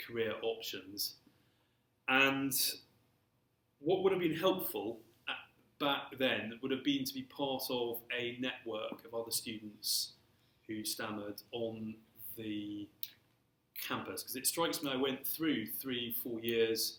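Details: Stammering (stuttering) since early childhood, persisting throughout his career, in an adult male civil servant.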